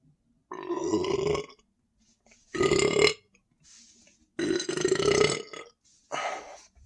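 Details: Person standing and drinking more Sprite, stomach feeling very full and tight: four long, loud belches in a quiet room.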